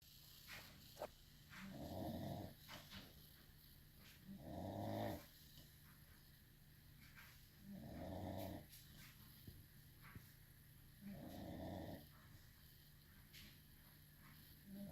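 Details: Low, rumbling snores about every three seconds, around 19 a minute, with faint room noise from a sleeping dog; ordinary snoring.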